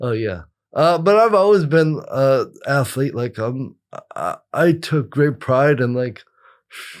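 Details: Adult with cerebral palsy; dysarthric speech in cerebral palsy.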